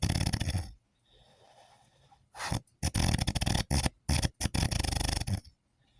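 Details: Husband snoring: loud, rough, low snores in irregular bursts with brief pauses between, some choppy and sputtering.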